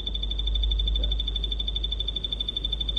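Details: Steady high buzzing tone with rapid pulsing flutter from an EMG biofeedback unit during maximal voluntary muscle contraction, used to motivate the patient to contract harder; demonstration.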